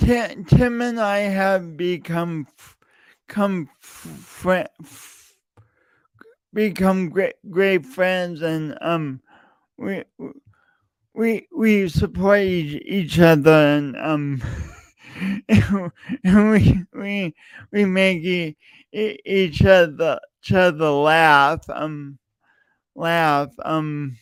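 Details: Adult male podcast host with a speech impediment since junior high and high school, still present and audible every time he speaks, denied for years; stuttering.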